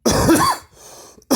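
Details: Cough from a woman who says her allergies are bothering her.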